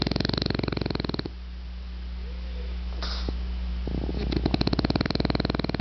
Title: French Bulldog Snoring